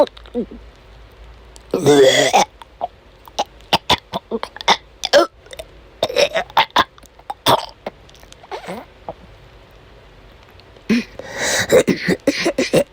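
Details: Repeated harsh coughs and throat-clearing with retching bursts from a woman during an asthma attack amid a chronic migraine episode, coughing persistently and vomiting repeatedly that day; persistent cough with retching.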